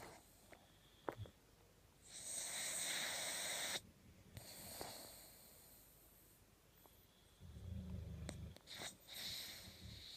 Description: My boxer puppy Mocha-Choca snoring her little head off.